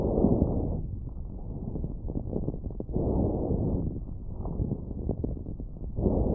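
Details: Coarse crackles on lung auscultation with a stethoscope: muffled breaths with low bubbling, popping crackles scattered through each breath.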